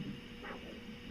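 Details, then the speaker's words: One brief rising whoosh over background hiss: continuous-wave Doppler arterial signal from the posterior tibial artery on a Parks Flo-Lab, probe angled, before cuff inflation during a segmental leg pressure demonstration. "You can see I've got a good signal there, and then you can see down here how I'm angled and getting the image there. I mean the signal there."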